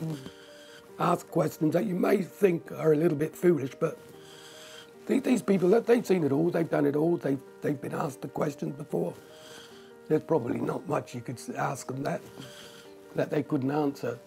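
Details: Tracheostomy speech with breath-limited phrasing in a man with a tracheostomy for two years after severe breathing problems; he blocks the uncovered tube with a finger to talk, pausing for breath and becoming short of breath.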